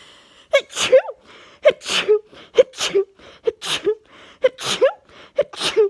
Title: Morning sneeze fit in bed | 34 sneezes